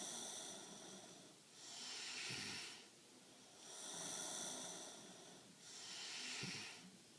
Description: My daughter is a loud snorer she gets it from her dad lol